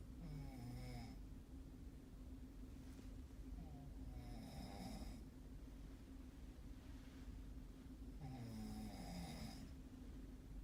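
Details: Snoring during sleep: three loud, rough snores about every four seconds, roughly fifteen breaths a minute, over a steady low background hum.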